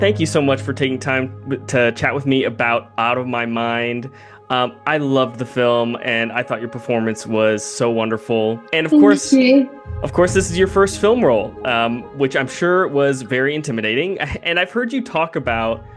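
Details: Adult speaker; ordinary fluent speech.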